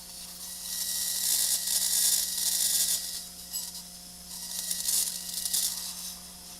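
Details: High-speed surgical drill on bone during live cervical spine surgery on a woman with multilevel herniated discs C3–C7, severe stenosis and spinal cord compression: high-pitched hissing whine rising and falling in bursts over a faint steady hum.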